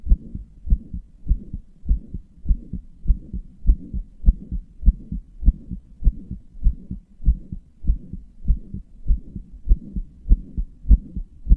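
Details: Regular heartbeat at about 100 beats a minute, each beat followed by a soft whooshing; a self-described weak, murmuring heart that also palpitates, which the person says they strained deliberately; heart murmur.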